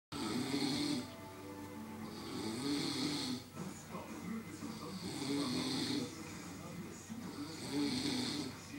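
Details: Person snoring, recorded in Oakland, California: loud rhythmic snores on each breath, roughly every two to three seconds, with a rattling, fluttery quality and faint background music.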